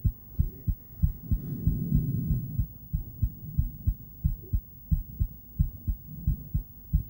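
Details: Female heartbeat recorded with an ultrasonic Doppler device during breathplay: steady, regular paired thumps at about 94 beats per minute.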